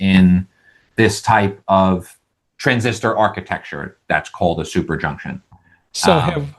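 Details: Adult male with lifelong stuttering showing as vocal-cord blocks, managed with speech techniques such as airflow technique; this stretch has repeated words.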